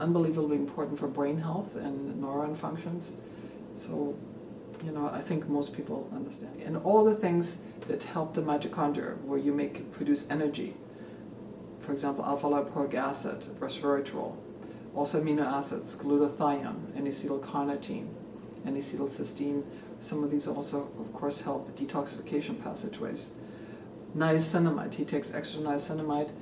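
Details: Adult male speaker; normal speech.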